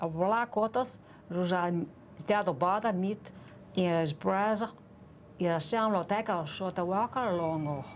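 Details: Foreign accent syndrome in an adult British woman whose brain syndrome took her native English accent; distorted sounds, lost syllables and altered rhythm give a foreign-sounding accent while reading simple words.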